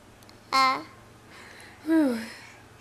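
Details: Newborn baby with hiccups: two short, sudden voiced gulps in a quiet room while his two-year-old brother laughs.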